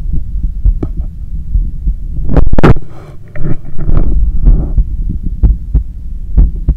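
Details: Normal heart sounds recorded at the neck, with a visibly strong neck pulse, while cooling down after a 10 km run: regular low thumping beats with a deep throbbing hum and a brief burst of rubbing noise.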